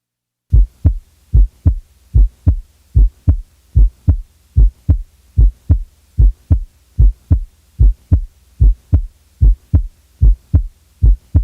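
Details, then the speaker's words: Normal first and second heart sounds: regular lub-dub pairs at about 74 beats a minute, each beginning with the first sound and ending with the second. "normal first and second sounds can be heard each pair of sounds lub dub lub dub will begin with the first sound and end with the second"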